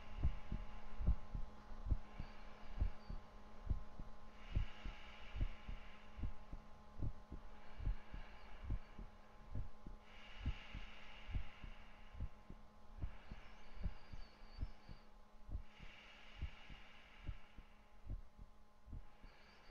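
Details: ASMR relaxation recording of a steady low thumping heartbeat, about 71 beats a minute, with slow breathing sounds, a faint hum and gentle music.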